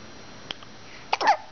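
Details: About 2-month-old twin girl with hiccups: two brief, abrupt hiccup sounds in a quiet room, the second followed by a short vocal sound.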